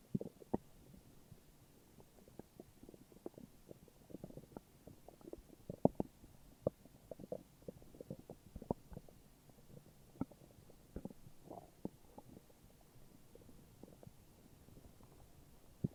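Quiet, irregular gurgles and short bubbling rumbles from the belly: ordinary stomach growling from gas and fluid moving through the gut.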